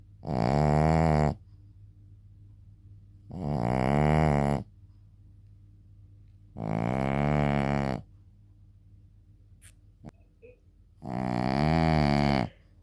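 Four loud, drawn-out rumbling snores, about 18 a minute, with quiet gaps; heavy snoring in a small dog.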